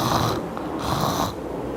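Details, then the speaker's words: Adult imitating open-mouth snoring: two rough, rattling snore breaths through the open mouth, showing the mouth-breathing snoring linked to frequent pharyngitis, laryngitis and reflux esophagitis symptoms. "이렇게 자면 밤에 본인은 입을 벌리고 숨을 쉬는지 모르지만 사실은 입으로 숨을 쉬면서 생기는 이런 증상이 점점 심해져서 만성적으로 굳어진 것이기 때문에"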